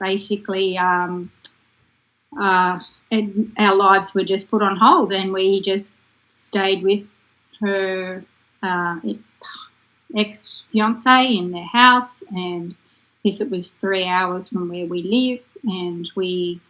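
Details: Adult woman speaking; normal speech.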